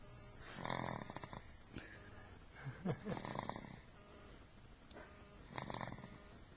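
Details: Soft, irregular rattling snores on several breaths, with some snorting noises and faint room noise; ordinary snoring in sleep, recorded in 2007 with a Flip Video camcorder.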